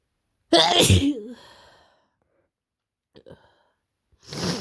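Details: Person with a bad head cold (scratchy throat, headache; often sick since working at a kindergarten), curled up on a couch: one forceful harsh sneeze, faint sniffs, then the start of a second sneeze; sneezing.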